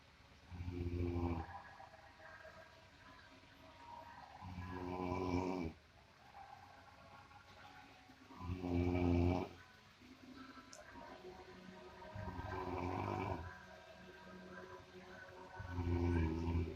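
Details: Heavy snoring likened to a buffalo: loud, deep, rattling snores on each breath in, about 15 a minute, with quieter breathing between.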